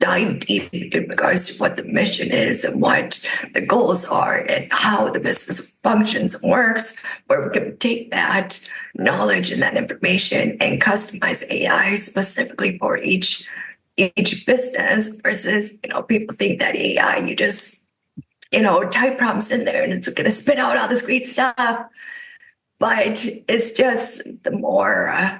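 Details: Adult woman with spasmodic dysphonia caused by neck trauma about 5 years ago, unable to speak for about 2 years, treated with neck Botox injections that help but do not cure; spasmodic dysphonia.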